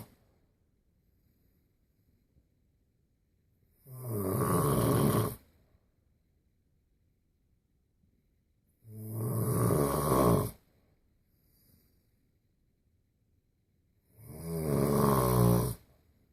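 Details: Three loud, rough, rumbling inhaled snores, about 12 a minute, with quiet pauses between them; very heavy snoring.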